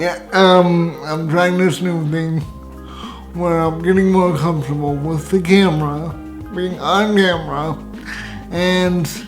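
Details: Hypernasal speech in an adult man with cerebral palsy, who says his uvula does not rise at the back of his throat; he also has pseudobulbar affect with involuntary laughing and crying.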